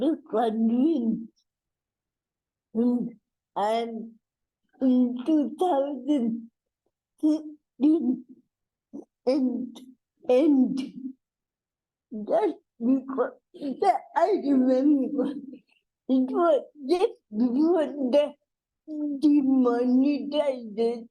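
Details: Adult woman with cerebral palsy; dysarthria (cerebral palsy).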